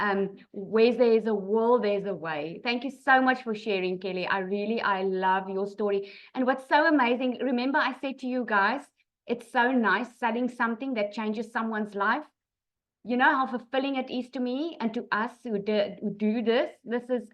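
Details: Adult woman speaking; normal voice.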